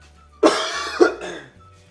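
Two harsh, noisy cough bursts in quick succession from an adult, with faint background tones.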